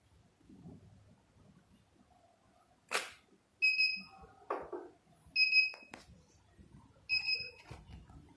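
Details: Several short electronic beeps with clicks and handling noise from a 3D HIFU (LS-X3) focused ultrasound skin-tightening machine firing treatment shots in a demonstration; HIFU machine beeps.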